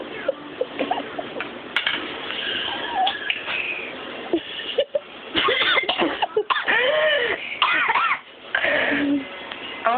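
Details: Cough from holding a mouthful of ground cinnamon: repeated harsh, sputtering coughs and throat clearing mixed with choked laughter, an irritant cough.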